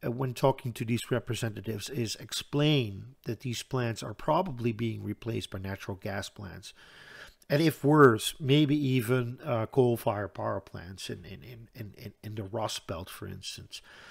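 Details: Stuttering in a Dutch man who reports a stutter that is audible all the time, a type in which he always hangs up between his words.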